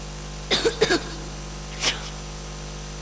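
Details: Child living with allergies, constant coughs and sneezes: two quick dry coughs, then one more a second later, over a steady hum; repeated coughing.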